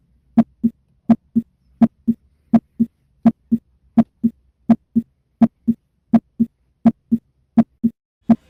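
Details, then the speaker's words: Clear, regular lub-dub heart sounds at about 83 beats a minute, no added sounds, auscultated at the tricuspid area (fourth–fifth left intercostal space, parasternal line): normal heart sounds. "Continuamos con el foco tricuspidio. Se localiza entre el cuarto y quinto espacio intercostal, en la línea paraesternal izquierda. Procederemos a escucharlo."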